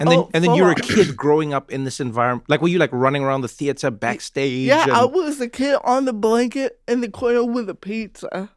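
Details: Adult man and woman in conversation; typical speech.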